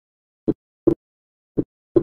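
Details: Teaching recording on heart sounds: slow, regular paired heart sounds with S2 splitting paradoxically, widening on expiration, as in left bundle branch block: paradoxical splitting of S2.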